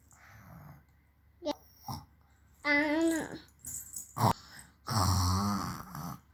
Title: My Naughty baby ❤ Imitating her father Snoring sound 😂